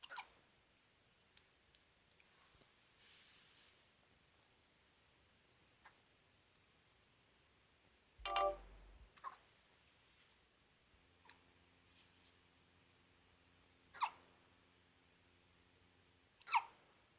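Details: One-day-old newborn baby with hiccups: quiet room with a few brief, sharp bursts spaced several seconds apart.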